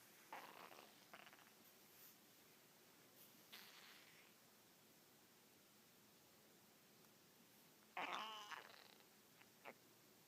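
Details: Pet dog with an upset stomach, owner suspects from eating something outside, hunger, or a too-fast food switch; irregular bubbling, squelching belly gurgles, lasted a day: borborygmi.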